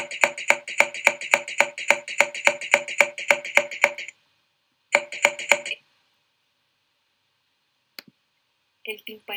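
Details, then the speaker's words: Hyperresonant percussion note over the lung: lower-pitched, more prolonged and intense than normal resonance, typical of areas with increased air content. "El siguiente es la hipersonoridad o hiperresonancia. Básicamente es un sonido de tonalidad más baja, es decir, grave, que la resonancia, pero más prolongado e intenso."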